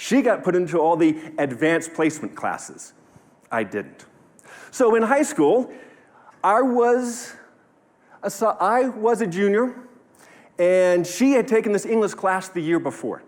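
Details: 45-year-old man who has stuttered since childhood; he has found ways to minimize it but it persists; recorded at a live talk; stuttering.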